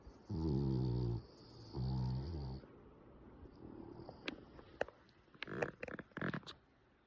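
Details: Two loud, low, buzzy snores from a sleeping French Bulldog lying with eyes half open, followed by quieter breathing and a few soft clicks and rustles: snoring.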